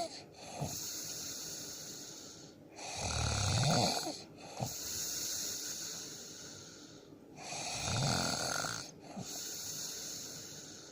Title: #1jowa how to sleep#Snoring unique ever😁😁😁